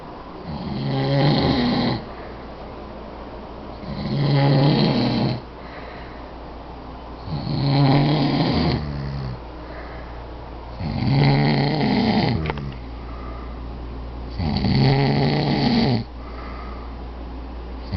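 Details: Two friends snoring after a night out; the recorder believes it is sleep apnea. Loud, rattling snores about 17 a minute, with fainter sounds between, possibly the second sleeper.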